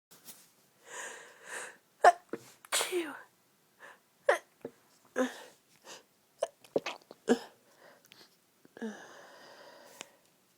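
A run of short, muffled bursts with breathy intakes between them: repeated sneezes, mostly held back or half stifled.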